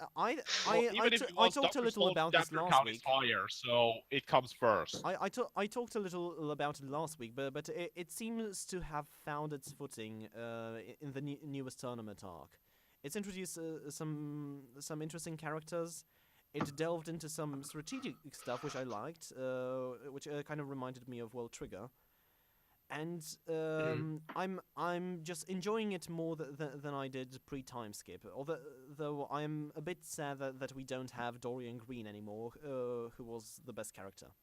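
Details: Self-described stammering male podcast host whose show combines a podcast with speech therapy, with word and part-phrase repetitions; stuttering.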